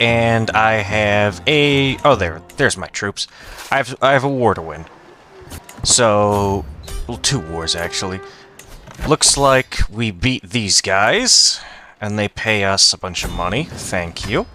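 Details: Stuttering with audible word repetitions from an adult man who says he has a stutter and sometimes repeats a word many times.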